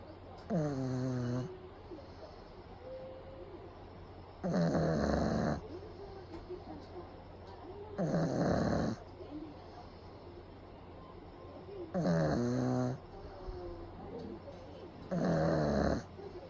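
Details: Pug napping with eyes rolled back, recorded close up: regular, loud, fluttering snores roughly every four seconds, about 17 per minute, in a quiet room; heavy snoring.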